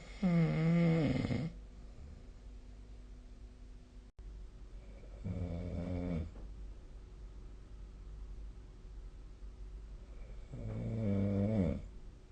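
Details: Three loud, low, rattling snores about five seconds apart, with quiet room noise between them; ordinary sleep snoring.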